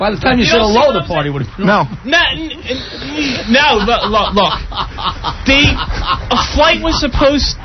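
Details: Man known for stuttering, a contestant on a 2000 radio trivia show, speaking with repetitions: stuttering.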